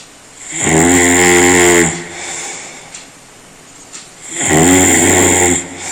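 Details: Very loud, harsh, rattling human snores on long inward breaths, two in six seconds, with quiet exhalations between; heavy snoring.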